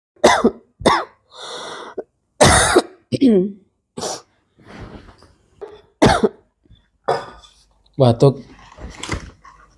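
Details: Child coughing: about six or seven short, sharp bursts mixed with throat clearing and brief vocal sounds.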